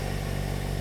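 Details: Donated oxygen concentrator just switched on and running normally (green indicator lit), adjustable flow 0–10 LPM; continuous low, even motor hum.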